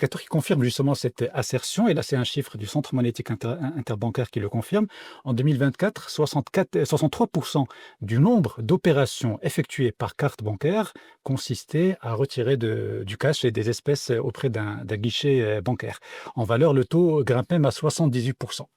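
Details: Adult male speaker; Normal voice.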